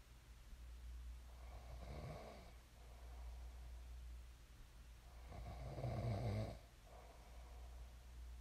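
Two low, rattling snores on breathing in, with a quiet room hum between them; ordinary sleep snoring.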